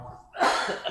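A single short, forceful cough from an adult man, with a quick sharp onset in a small room.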